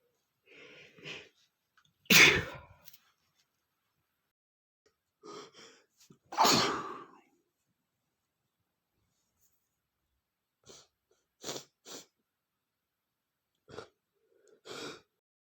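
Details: Male with a runny nose: two loud, explosive sneezes, each preceded by a sharp intake of breath, followed by brief sniffs; sneezing.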